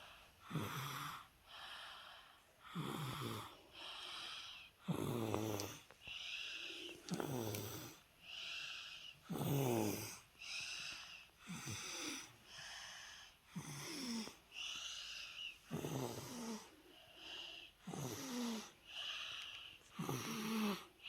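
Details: A 22-month-old with cough and cold napping after a bath: noisy breathing at about 27 breaths a minute, with snoring and wheezy, congested sounds.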